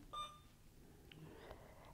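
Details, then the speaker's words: Alaris infusion pump keypad beep and faint clicks in a quiet room as the duration is entered as 30 minutes while programming a secondary IV piggyback infusion; rate auto-calculated to 100 mL/hour. "so I'm going to press duration and press 30 down at the bottom"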